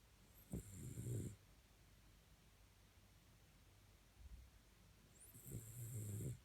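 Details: Cirneco dell'Etna dog loudly snoring while asleep in her dog basket: two slow, rumbling snoring breaths about five seconds apart, each starting with a snort; ordinary snoring.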